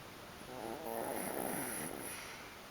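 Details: Two-year-old girl snoring during sleep; a single soft, buzzy breath sound.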